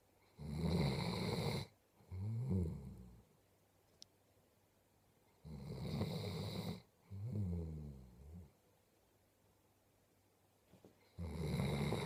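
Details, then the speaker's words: Dog snoring while asleep: loud, regular snoring at about 11 breaths a minute, with rough inhales and whistling exhales. "you are a big snoring lump you are a big snoring lump yes you are you"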